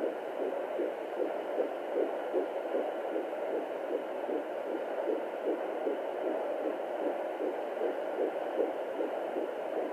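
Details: Fetal heartbeat at 14 weeks pregnant on Doppler: rapid, regular whooshing pulses over a steady hum, about 150 beats a minute; normal.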